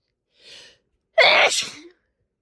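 A quick breath in, then one loud, explosive sneeze.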